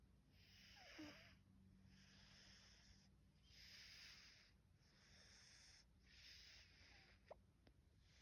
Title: Does anyone else have a cat who snores like this? 😂😂